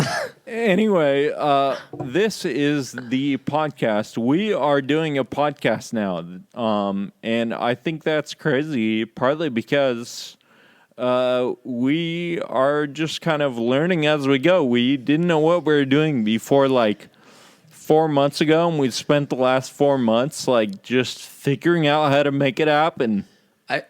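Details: Adult man with Friedreich's ataxia diagnosed at age 17; the condition impairs speech-muscle coordination, causing slurred speech that can sound drunk; ataxic dysarthria.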